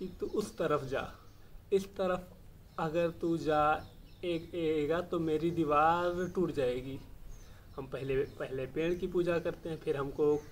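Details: Adult male speaker; stammering.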